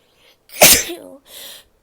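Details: Sneezing from a female: one loud, sudden sneeze with a short voiced release, then a brief hissing breath through the nose.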